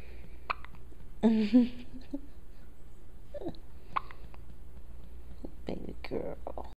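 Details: Hiccups in a dog: a short voiced gulp and a few soft clicks over steady low room hum.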